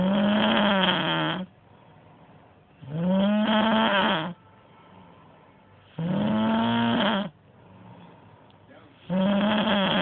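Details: Person heavily snoring with a televised football broadcast on in the background: loud, buzzing, tonal snores on each breath, about 20 a minute.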